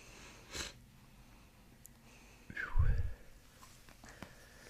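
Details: Loud borborygmi during a chiropractic abdominal treatment with belly breathing, patient reporting a pinch: soft breath, then a sudden deep rumbling bowel gurgle with a brief squeaky glide.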